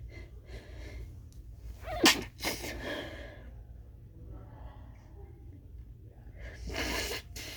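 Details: Part 1 of a huge sneezing fit: two or three muffled, stifled sneeze bursts with quick breaths between, over low room hum; the person says they wish they'd let them out.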